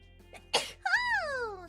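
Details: A short breath in, then a sharp explosive burst with a falling vocal tail; a single sneeze.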